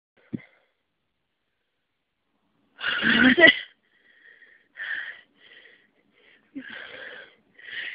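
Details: Sneezing fit with a cold, one of a continuing series: a forceful sneeze followed by sniffs and short breathy sounds.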